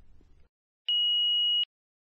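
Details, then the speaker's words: Philips HeartStart FRx AED demonstration: brief low rumble then single steady high-pitched electronic power-on tone under a second after pressing the green on/off button. "to start the defibrillator press the green on/off button and follow the heart start fr X's voice instructions"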